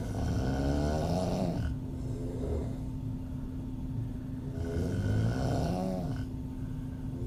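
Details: Deep, fluttering, throaty open-mouth snoring from a female, snores on breathing in with steady breaths out between, about two breath cycles in seven seconds.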